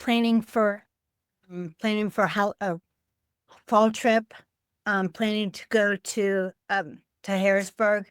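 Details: Adult woman with aphasia affecting word-finding, caused by a stroke on Thanksgiving Day 2012, about 13 years earlier; aphasia with word-finding difficulty.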